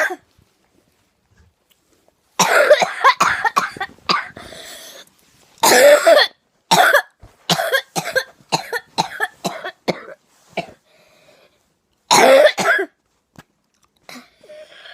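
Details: A child has a prolonged, gigantic coughing fit, with repeated harsh coughs in clustered bursts.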